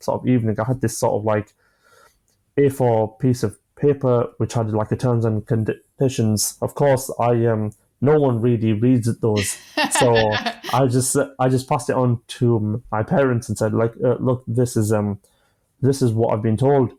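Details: A 25-year-old male with stammering (stuttering) since early childhood, beginning after an asthma attack; he experiences blocks and manages them with breathing techniques and pauses.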